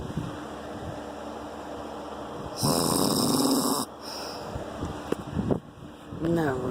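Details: One long, loud, rasping snore on the in-breath, then quieter breathing, over room hum, from a sleeping adult man (husband); snoring.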